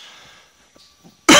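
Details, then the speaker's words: Adult with a lingering cold who has been coughing a lot lately, coughing after taking a cannabis dab: near silence with faint clicks, then one loud, sudden explosive burst starting a cough. "Now, I'm probably going to cough more so because I've been coughing just a shit ton lately, guys. This cold will not leave my system,"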